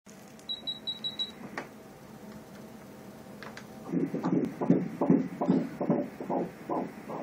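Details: Short machine beeps, then rapid rhythmic whooshing pulses at about 150 a minute during a pregnancy sonogram: fetal heartbeat on Doppler ultrasound.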